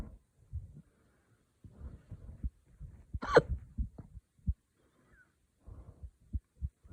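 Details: Adult hiccuping after drinking wine too fast: short, abrupt low gulping sounds with one sharper catch; hiccups.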